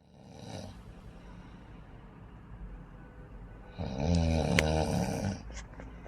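A quieter breath, then a loud, rough, vibrating snore on breathing in, ending with a brief snort.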